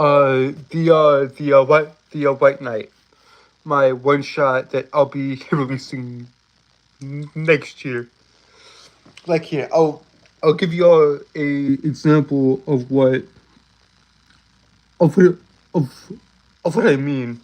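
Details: Male streamer with a self-reported speech impediment, a stutter, with repeated words and fillers: stuttering.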